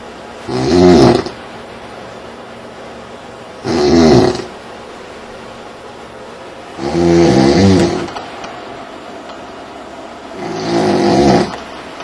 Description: Needed ear plugs to survive our stay in Bermuda. Sounds like someone trying to kick start a Harley in the room.